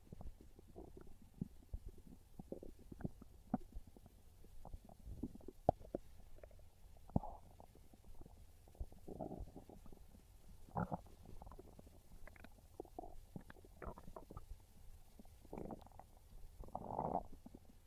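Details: Hungry stomach growls, belly craving pizza: irregular gurgling and rumbling bowel noises with scattered pops over about eighteen seconds; ordinary hunger borborygmi, harmless.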